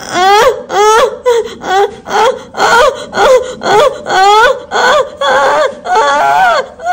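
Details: Repeated loud, high-pitched wailing cries with gasping breaths between them; a vigorous first cry of a firstborn right after a normal vaginal delivery in an NHS hospital in London.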